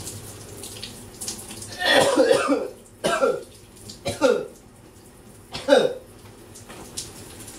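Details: Four harsh, loud coughs in a coughing fit while showering, running water behind; person has a persistent throat bug.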